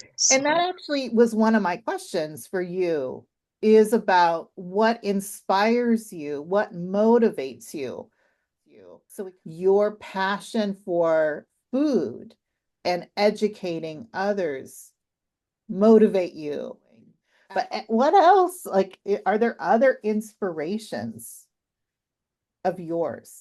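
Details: Adult woman speaking; typical speech.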